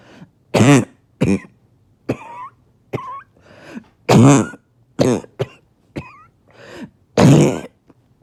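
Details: A barking cough after about two days without sleep: harsh, hoarse, barking coughs in three bouts, with high squeaky sounds on the breaths between them.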